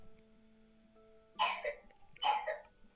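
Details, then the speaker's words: Young son coughing while asleep: two short, muffled coughs heard at a distance over a quiet, steady musical drone. "that coughing is the sound of my son hopefully not waking up"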